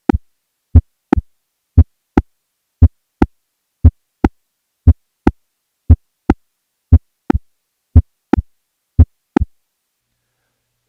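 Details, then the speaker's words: Mechanical aortic valve: regular paired heart sounds near 58 a minute, with the second sound a sharp, crisp mechanical aortic valve click. "now here is a patient with a mechanical aortic valve"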